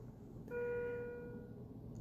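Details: A single clear electronic tone lasting about a second from a bedside hospital monitor over quiet room noise, in a labor and delivery unit; the patient is 26 weeks pregnant with a preterm labor scare and a suspected placental abruption; patient monitor alarm beep.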